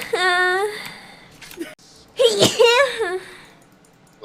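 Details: Woman described as a very sneezy person, sneezing: a drawn-out voiced 'ah' rising into a sharp burst, followed by a sing-song vocal tail; a single vocalized sneeze.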